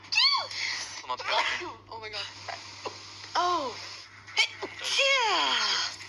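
Several quick sneezes mixed with high squeaky voiced sounds in a small room.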